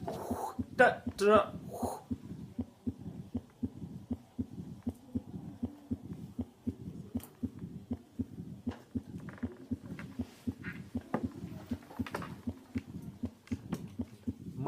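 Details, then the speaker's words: Mitral stenosis heard at the apex: regular S1 and S2, an opening snap, then a low rumbling diastolic murmur. "s1 s2 an opening snap and then diastolic murmur that tahoe yes you hear it on the apex you hear it on the apex"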